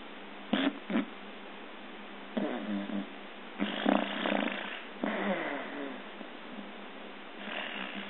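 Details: Deja snoring during sleep: irregular soft snorting breaths with rattly noise.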